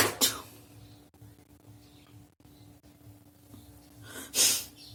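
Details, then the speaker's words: Sneezing during a sneezing and nose-blowing challenge: two sharp, explosive sneezes with quiet breathing between them, after which nasal mucus came out. "আমি তোমাদের একটা মানে sneezing and nose blowing challenge করে দেখাচ্ছি।"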